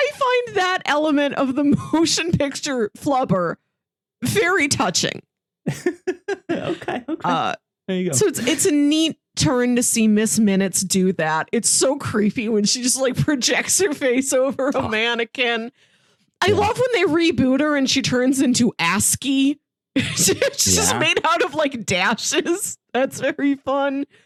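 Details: Adult speaker, likely female; typical speech.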